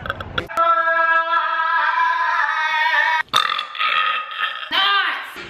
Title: #burpgirl #burp #burping #burpqueen #belch #belching #eructo #eructos #rutto #arroto #rülpsen